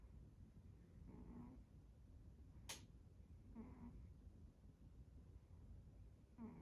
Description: My cat, Fred, snoring while taking a nap.